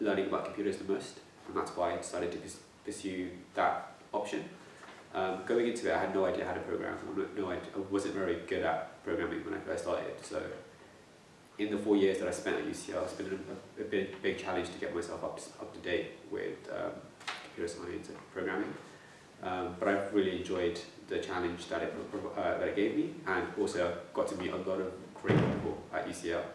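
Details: Stammering (stuttering) in a young adult man who has stammered since he was young and used to avoid talking.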